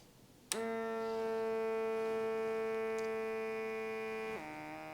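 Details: Sanitas SBM 54 fully automatic upper-arm blood pressure monitor: a steady humming motor tone for about four seconds, then a drop in pitch, as the cuff pump inflates during a home measurement.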